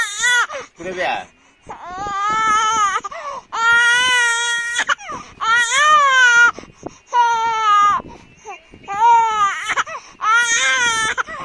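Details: Loud, sustained infant crying in repeated wailing bursts with gasping breaths between, in a small room.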